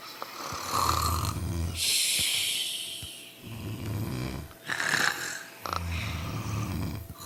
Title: Sleeping & Snoring Together